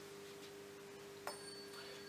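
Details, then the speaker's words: Struck tuning fork (512 or 256 Hz) with a light tap partway through, during a vestibulocochlear nerve (CN VIII) exam demonstrating Rinne testing and a right-sided sensorineural deafness presentation: steady pure ringing tone. "this is a tuning fork and it airs like this it feels like this and sounds like this"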